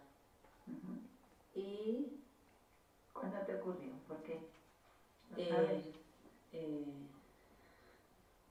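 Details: Female Spanish-speaking patient with Broca's aphasia after seven years of rehabilitation; agrammatic speech omitting verbs and connectors.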